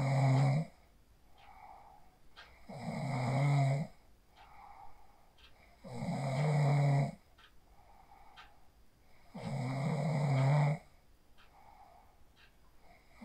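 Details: Person asleep after practising the 4-7-8 breathing technique, recorded on a phone: regular loud rattling snores on each in-breath, about 18 breaths a minute, with soft exhalation between; sleep snoring.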